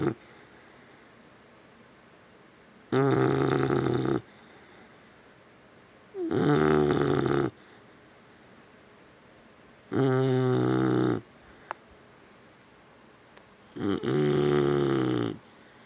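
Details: Snoring while worn out from running: four loud, rough snores about four seconds apart with quiet pauses, roughly 15 breaths a minute; regular snoring.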